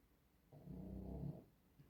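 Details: Snoring of the pet Luna: a single low, rough, rumbling breath sound, a brief snore against a quiet room.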